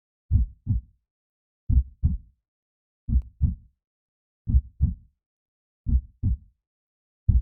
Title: Herztöne - die BESTE Einschlafhilfe für Babys! Heartbeat for Babysleep